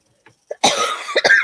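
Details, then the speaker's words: An adult woman with a lingering cough, who says she otherwise feels okay: two faint throat sounds lead into a loud, harsh cough burst with a rough, wet tail, then two quicker follow-up coughs. "I feel okay to go it's just this cough"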